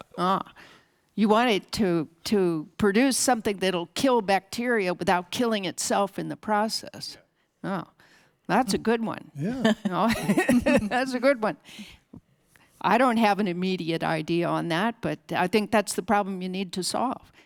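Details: Adult speakers in a discussion; normal speech.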